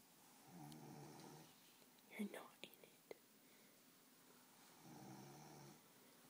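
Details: Tired sleeper snoring lightly: soft, low snores on inhalation about four seconds apart, with brief rustling and faint background sounds between.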